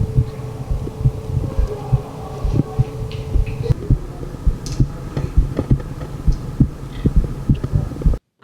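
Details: Normal heart sounds through the bell of an MDF MD One stethoscope, compared with a Littmann Classic III: steady low thumps at about 67 beats a minute.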